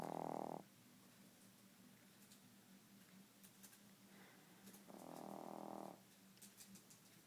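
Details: 3-month-old pet named Nibbler snoring: two long, low, rattling snores with a quiet pause between, loud like a grown man; harmless snoring.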